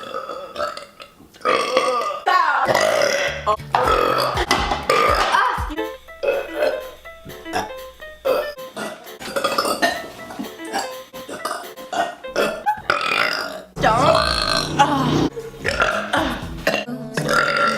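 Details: A woman's burping compilation: a run of loud, drawn-out burps, one after another, with music playing in the background.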